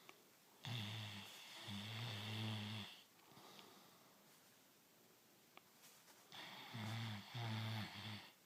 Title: Elvis Snoring Part Deux